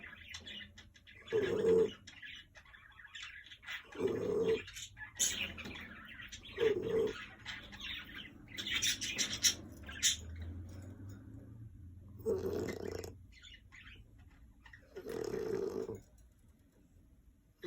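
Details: Snoring from a French Bulldog: loud honking, cooing snores at about 23 a minute, unevenly spaced, the noisy snoring of a flat-faced dog's narrowed airway.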